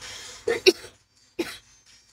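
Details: Two or three short sharp cough bursts from an adult during a live stream, with brief background noise and music before them; cough.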